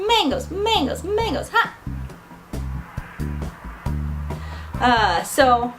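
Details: Adult woman with Tourette syndrome, with vocal tics of 'ha', a whistle and repeated 'mangoes' while talking; vocal tics.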